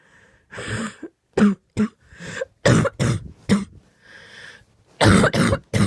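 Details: Coughing fit at 2am: about eight forceful, harsh coughs in quick clusters with brief raspy breaths between them.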